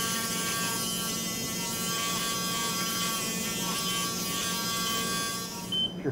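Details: Heel spur and plantar fasciitis surgery: after plantar fascia release from the calcaneus, a powered reciprocating rasp files down the heel bone spur with a steady high buzzing grind, stopping near the end.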